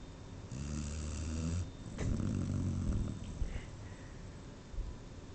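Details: Two loud, low, rattling snores about a second apart with quieter noisy breathing between, in a quiet room; snoring.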